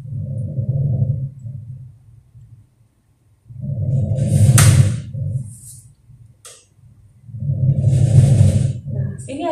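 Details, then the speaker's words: Normal vesicular breath sounds over healthy lung, demonstrated during a nursing thorax examination: soft, low rustling breath sounds in repeated cycles. "adalah normal suara menular pada paruh nah Apabila ada suara yang tidak memanggangnya adalah racing dan sebagainya maka keluar dari suara ini ini adalah suara paru yang tidak normal"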